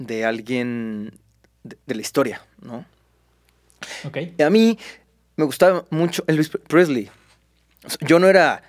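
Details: Stuttering in a Mexican male singer who has stuttered since early childhood and cannot remember speaking without blocking; he reports no stuttering when singing and stuttering less when drunk.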